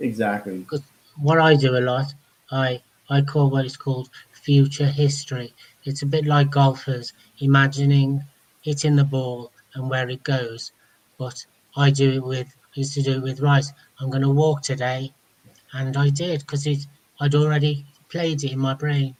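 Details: Adult man speaking; ordinary speech.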